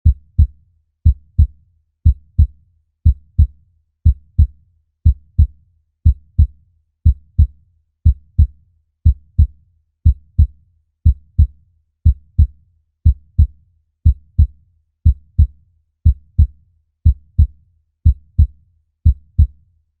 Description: Intense and lovely sound of a human heart.